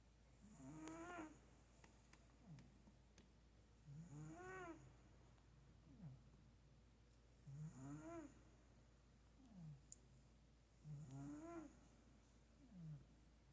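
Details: Sleeping cat giving soft, squeaky, whistling snores, about 18 a minute, with a faint steady room hum; ordinary snoring.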